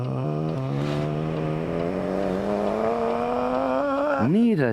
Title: Big Sneeze (30 seconds)